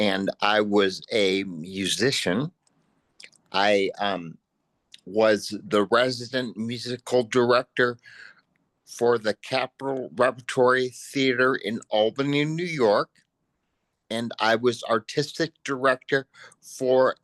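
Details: Post-stroke aphasia in a man, a panelist at an aphasia conference; real, unscripted speech.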